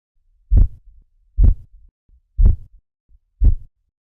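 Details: Four clear, low tapping sounds at about 60 a minute heard while a blood pressure cuff deflates; Korotkoff sounds.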